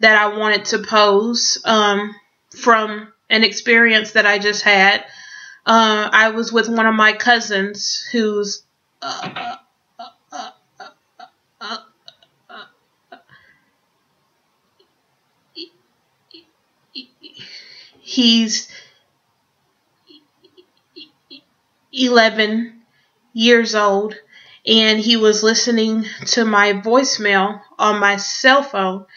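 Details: Female speaker who stutters and says she has lately been fairly fluent; audible blocks and pauses between words; stuttering.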